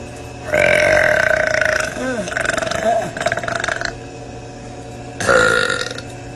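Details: Girl belching: two long, loud voiced belches with a brief murmur of voice between them.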